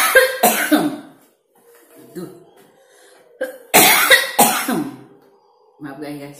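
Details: Adult choking while eating spicy sambal with fresh vegetables, fried tofu and boiled spinach: bursts of forceful, rapid coughing with a pause between them, clearing food that went down the wrong way.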